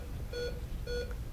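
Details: Simulated newborn resuscitation after positive pressure ventilation, with heart rate now over 100 and the baby starting to breathe: two pulse oximeter beeps about half a second apart over room noise.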